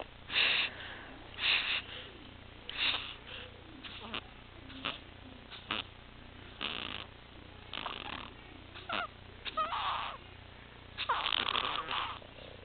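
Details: 6-week-old infant later diagnosed with laryngomalacia, tracheomalacia and micrognathia (Pierre Robin sequence), with sleep apnea and retractions, gasping and turning blue around lips; harsh noisy gasping breaths at irregular intervals with breathing pauses; inspiratory stridor.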